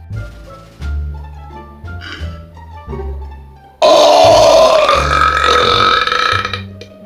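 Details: Person deliberately trying to belch as loud as possible: a loud, sustained belch lasting about three seconds, with music playing before and underneath; burp.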